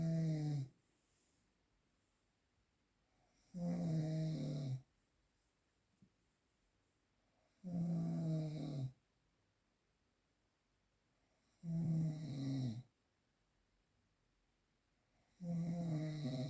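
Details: Regular low, rumbling snores on each breath in, about 15 a minute, with quiet pauses between; typical snoring, real recording without post-processing.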